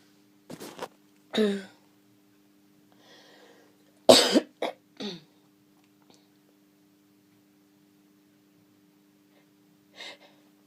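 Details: Sneezes with nose blowing during a developing cold: a few sharp explosive bursts with sniffs in a quiet room.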